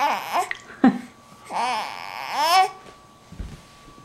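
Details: A 12-week-old infant coos and babbles, broken by a sudden short catch in the breath, a hiccup, in a quiet room.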